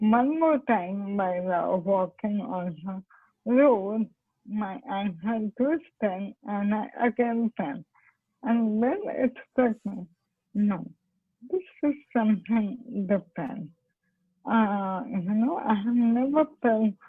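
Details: Dysarthria in motor neurone disease (ALS); the patient is a doctor who has ALS herself and attributes her impaired speech to the disease.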